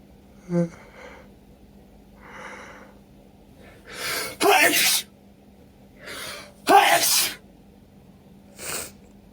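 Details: Person with a cold, sneezing and sniffling all day, nose irritated after pulling out a thick sweater: an uncontrollable fit of sharp explosive sneezes, some with a gasping intake before, plus sniffing; sneezing.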